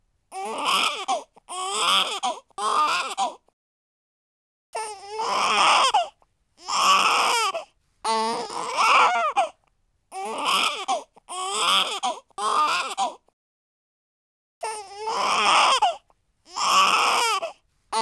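Infant crying in repeated loud, wailing bursts separated by short pauses for breath.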